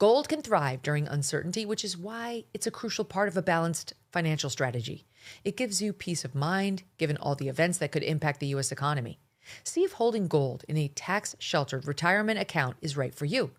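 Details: Adult speaker, read advertisement; normal fluent speech.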